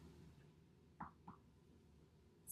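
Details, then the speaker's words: Finger-on-finger percussion of the posterior chest, striking with the opposite hand's fingers, across seven posterior areas in a respiratory exam demonstration: normal resonant percussion note. "I'm going to use my two fingers of of my opposing hands. This is my striking finger. And I'm going to tap Okay."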